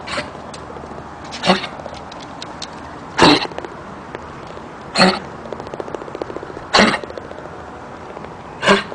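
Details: Dog coughing: short, dry, harsh single coughs about every two seconds: chronic cough.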